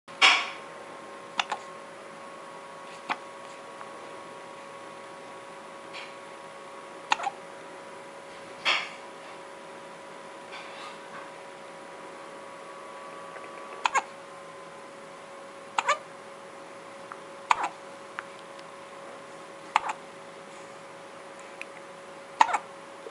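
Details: Hiccups: short, sharp hiccup sounds recurring every few seconds over a steady appliance-like hum in a quiet room.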